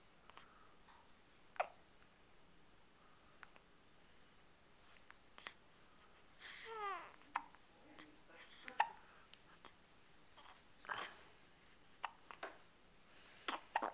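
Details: Hiccups: repeated brief, sharp hiccup sounds every second or two, with a short vocal sound in between, in a quiet room.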